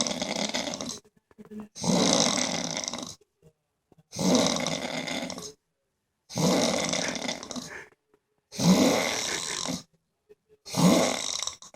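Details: Snoring after a long day of striper fishing.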